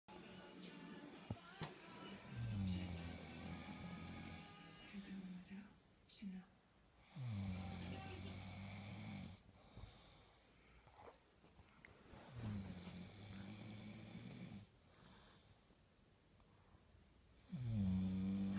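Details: Exceptionally loud snoring: four low, rumbling snores about five seconds apart, each starting with a rising snort, with music in the background.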